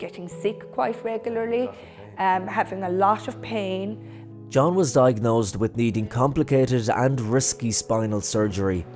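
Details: Adult narrator speaking over background music; plain speech.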